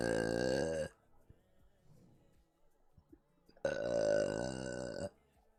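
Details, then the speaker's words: Burping from motion sickness with nausea, feeling about to throw up: two long, loud, tonal belches separated by a quiet pause. "um the oh my god dude when i got motion sickness i uh started burping because i need to throw up"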